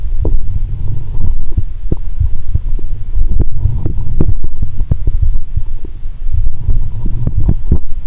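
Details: Stethoscope on own abdomen while lying down after a Mentos and cola challenge: continuous low rumbling with frequent bubbling pops and gurgles, no sloshing sound, perhaps from too much fluid; active bowel sounds.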